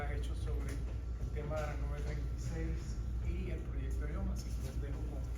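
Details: Adult speaker, Spanish, recorded talk; ordinary speech.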